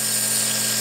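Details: Steady high-pitched motor whine with constant hum of a nebulizer compressor running while a young child takes inhaled cough medicine, watching TV.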